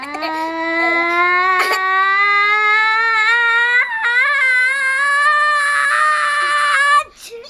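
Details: Baby crying: a sustained high-pitched wailing cry with rising pitch, briefly broken, then ending abruptly.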